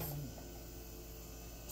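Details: Steady low mechanical hum with faint rattle of a compressor nebulizer running for a boy's asthma flare-up while he does homework.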